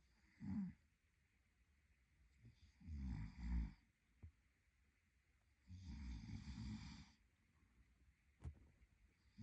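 Low, rattling snores on the breaths in, about 20 breaths a minute, against a quiet room background.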